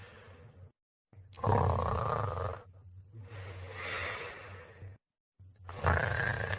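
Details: Snoring, captioned as "Laddy and 39": loud, rough, rumbling breaths repeating several times with short silences between.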